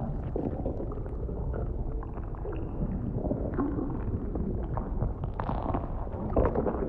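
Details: Role-play ASMR recording, not a real exam: close-miked stomach sounds of food digesting after eating, with low, bubbling gurgles and rumbles throughout, typical of bowel sounds; stomach rumbling.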